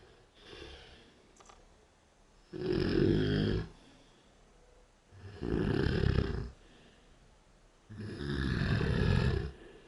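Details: Woman passed out drunk at 5AM after a bonfire party, recorded on a night-vision camera: loud, rough, rattling inspiratory snores about 22 a minute with quiet exhalations; heavy snoring.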